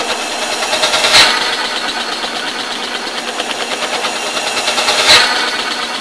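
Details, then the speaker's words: VDR4 high-frequency percussive ventilator on ex vivo pig lungs with oscillatory CPAP on, convective pressure rise added to recruit the lung: rapid steady buzzing pulses about three per second with periodic louder bursts. "now I'm going to add in convective pressure rise so you can see the recruitment of the lung"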